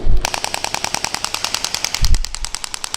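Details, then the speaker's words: Compression shock wave therapy handpiece set to maximum power, preselection 600 shots, firing while pressed: rapid regular sharp clicking pulses. "And off I go. Basically, it's as simple as it comes. And when I stop, when I press, it goes. When I stop, it stops."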